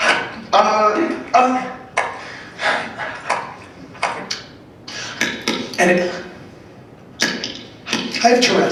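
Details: Vocal tics of Tourette syndrome: a man, 28, with Tourette's since age nine and born with a rare disease leaving virtually no intestines, makes a rapid series of abrupt vocal outbursts while speaking.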